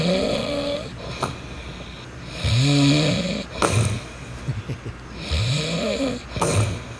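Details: Snoring recording of a finalist in a TV snoring contest, likened to cranking an old lawnmower: irregular, loud, rattling snores with snorting catches between noisy breaths.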